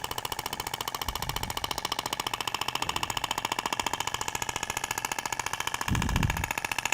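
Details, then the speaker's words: Thork radial shockwave device applied slowly in a zigzag over the abdomen in a training demo, the applicator's weight resting on the skin and the tissue visibly vibrating; rapid, regular tapping pulses, about fifteen a second, with brief low bumps. "é interessante que você consegue visualizar a propagação da onda você vê que até o tecido vibra né Na hora que você tá aplicando deposita o peso do aplicador na pele"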